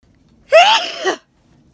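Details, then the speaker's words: Adult during a daytime sneezing bout, saying the sneezing just started again: a single voiced sneeze with a rising cry-like onset and a sharp burst, in a quiet room. Sneeze. "ah just started sneezing again i might catch another daytime sneeze"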